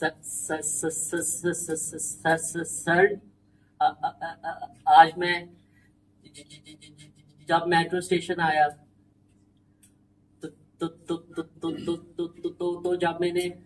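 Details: Participant in a stammering support group deliberately stammers in a role-played conversation with the trainer as a therapy technique; voluntary stuttering (deliberate dysfluency).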